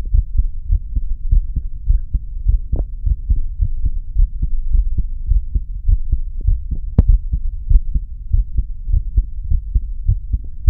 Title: Listening to my heart beat